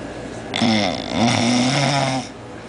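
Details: Snoring during sleep: a loud, buzzing, rattling snore on the in-breath, about two seconds long, from vibrating throat tissue, followed by laughter.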